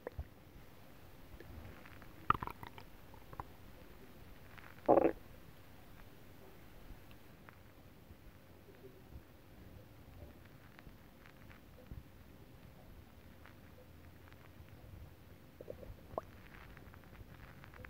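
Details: Adult's bowel sounds recorded after eating a whole pot of nabe stew, with faint TV behind: a few brief gurgles and pops against quiet room hiss, ordinary digestive borborygmi.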